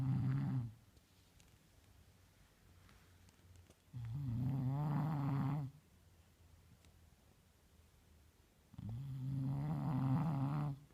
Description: Sometimes you can't fuzz about being sleeping beauty. You just need to sleep very loudly